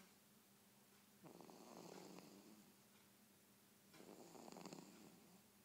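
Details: Girl snoring while asleep: two loud, rattling snores on the in-breath, about 2.7 seconds apart, over quiet room hiss.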